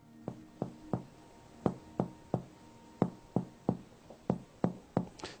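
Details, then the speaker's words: Finger-percussion taps moving down the lower left chest, shifting from resonant lung notes to fuller, boxy tympanic notes over the stomach bubble in Traube's space, during a bedside examination teaching demonstration. "hear how it became a much fuller boxy sound unlike this sound and that represents the stomach bubble"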